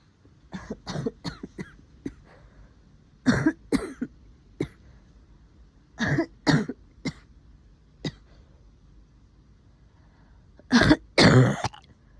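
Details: Adult with COVID-19 giving repeated bouts of loose, rattly coughing that brings up a lot of phlegm, and complaining of a sore throat: wet productive cough.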